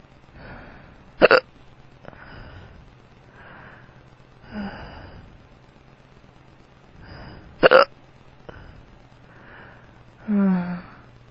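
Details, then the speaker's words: Drunk adult man with powerful hiccups that hurt his tummy, two sharp forceful hiccups with softer breaths and a couple of low burps between them over a faint hum; hiccups (singultus). "You have the hiccups. Ow. Oh. I'm drunk. Oh. My hiccups sound weird."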